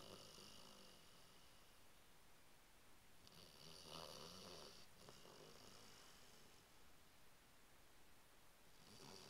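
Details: Bloodhound dog asleep: soft, rumbling snoring with a faint hiss on each breath over steady room noise; ordinary snoring.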